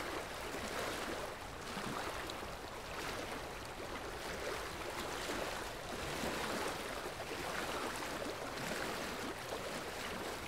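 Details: Ultrasonic dental scaling to remove tartar at a dental clinic: steady hissing water spray with rushing suction that swells and fades.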